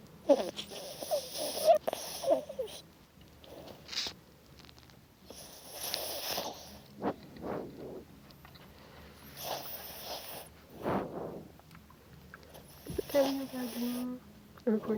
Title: Teddy Snoring